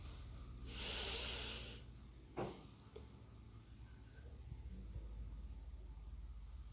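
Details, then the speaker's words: Nursing student demonstrates pursed-lip breathing, inhaling through the nose and exhaling slowly through the mouth as if whistling: a single steady, hissing breath through pursed lips, then a brief puff, in a quiet room. "ini adalah bernafas menggunakan hidung lalu dikeluarkan melalui mulut seperti orang bersiul dan dihembuskan secara perlahan dan Disini saya akan mempraktekannya"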